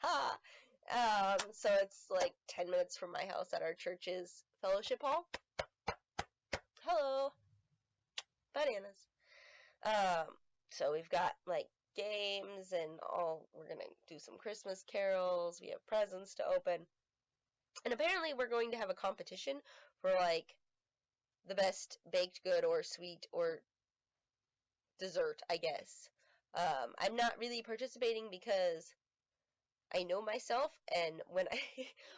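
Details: Vocal tics in an adult woman with self-identified, atypical Tourette syndrome, not confirmed by a neurologist; repeated interjected 'hello hello' in her speech. She also suspects ADHD and acknowledges sensory processing issues.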